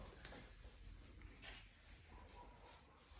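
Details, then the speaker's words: Stethoscope at the epigastrium (pit of the stomach) checking for bowel sounds, expected about 5 to 34 per minute: soft low rumbling with brief gurgles; normal bowel sounds. "comprobar la existencia o ausencia de ruidos hidroaéreos la frecuencia debe ser aproximadamente de 5 a 34 por minuto"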